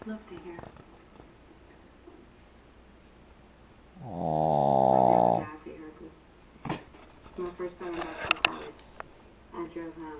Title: ZhuZhus insanely loud snore